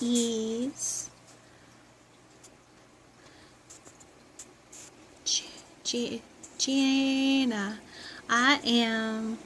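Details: Apraxia of speech in a 43-year-old woman after a stroke, presented in the context of foreign accent syndrome.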